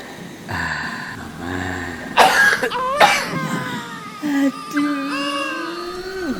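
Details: Cough, presented as a cough disturbing a baby.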